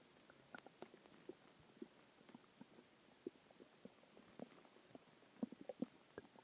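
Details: Bowel sounds (borborygmi) a few hours after a very large meal: frequent irregular gurgles and soft pops from the belly, ordinary stomach growling.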